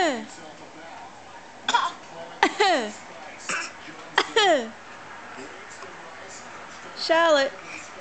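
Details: Voluntary fake cough by a 7-month-old girl: short, deliberate cough-like sounds mixed with high-pitched squeals.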